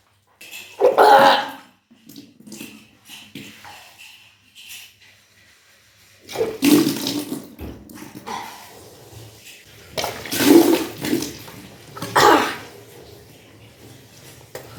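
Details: Kunjal kriya, a yogic cleansing practice of deliberately vomiting drunk water: repeated gushes of water brought up, with splashing and gagging between them; self-induced vomiting.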